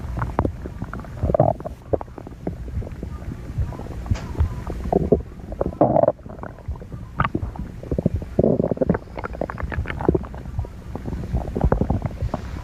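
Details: Repeated low gurgling and rumbling bowel sounds, stomach growling (borborygmi).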